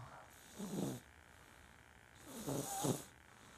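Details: A baby snores loudly: two rough, rattling snores, each on an in-breath, separated by quiet pauses.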